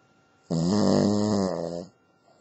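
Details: Female Cavalier King Charles Spaniel dog asleep: a single long, tonal, droning snore lasting over a second: snoring.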